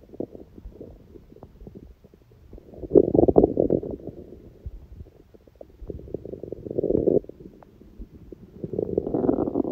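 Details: Hunger bowel sounds (borborygmi): irregular gurgling and rumbling bursts with quieter crackly stretches between; recording also includes sneezing; normal finding.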